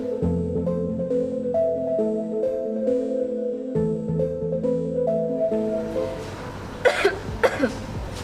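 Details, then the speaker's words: Acted cough in a hospital cough-etiquette simulation: two brief, muffled cough bursts near the end, after several seconds of background piano music. "Anda dapat mencegahnya dengan mengikuti etika batuk yang benar berikut ini saat ada batu satu gunakan lengan bagian dalam"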